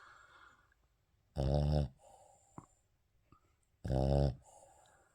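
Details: Snoring in a sleeping Shih Tzu dog; loud rattling snores on each breath, a little under three seconds apart, with quiet whistly exhalations between.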